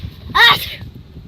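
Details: A young child sneezing: a single sharp, high sneeze burst with a sudden onset and quick fade, over faint background noise.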